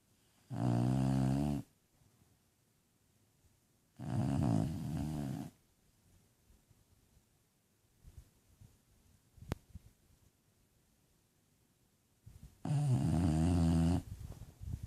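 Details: Sleeping bulldog snoring: deep, buzzing, low-pitched snores lasting over a second each, separated by long quiet pauses; snoring.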